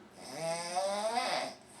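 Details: Man performing snoring sounds on request, jokingly presented as a sleeping bull bison at midday: one drawn-out, rattling snore-like breath over a second long, likely an imitated snore.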